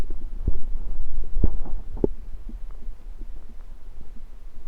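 Low, irregular gurgling rumbles with a few sharper pops: ordinary stomach rumbling from gas and fluid moving through the gut.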